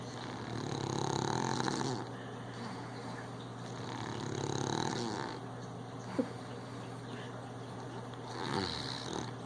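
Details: Snoring during sleep: slow, rough, rumbling breaths rising and falling over about 4 seconds each, with a steady low hum behind.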